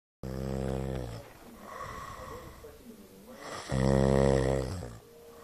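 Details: Snoring during sleep: two loud, rough, buzzing breaths in, with a quieter breath out between them.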